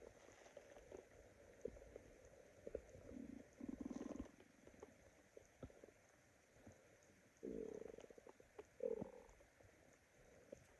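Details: Person's stomach growling from hunger: several low gurgling, rumbling bursts of a few seconds each against quiet background; borborygmi.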